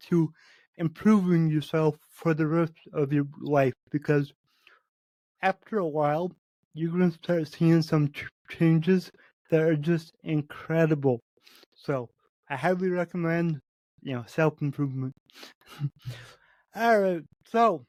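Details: Adult man with cerebral palsy affecting every muscle of his body; he says his speech is much better than 8 months earlier and improves as his health improves; dysarthria in cerebral palsy.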